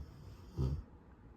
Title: Snoring while Sleeping!